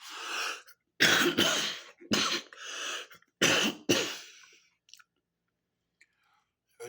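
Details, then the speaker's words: Person smoking Strawberry Cough sativa cannabis: a run of about six harsh, dry coughs in quick bursts, with throat clearing; an irritant cough after smoke inhalation, noting a nasty taste. "definitely says what it does definitely will make it cough damn that was a nasty taste there"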